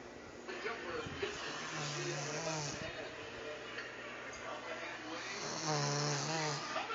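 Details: Sleeping woman recorded to hear how loud she snores: two long, rough, rattling inspiratory snores with steady room noise between; ordinary snoring.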